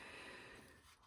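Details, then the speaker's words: A single short, hissing nasal sniff from an adult with a raspy throat who says she is coming down with her yearly illness: nasal congestion (sniffing). "You can hear my nose and my my raspy kind of throat."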